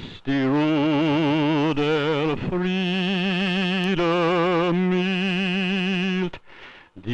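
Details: Normal adult subject singing, with inspiration noted, in a circa-1956 cine fluorography study of the oropharyngeal airway; normal singing voice.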